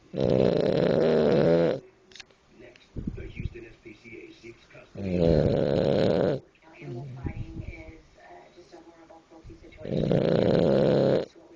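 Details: Loud, harsh, rattling snores on the in-breath, about three in ten seconds, with quiet breathing between them; heavy snoring.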